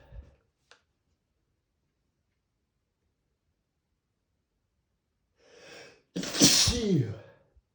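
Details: Male sneezing unstifled: a brief indrawn breath followed by one loud, wet sneeze with a voiced ending.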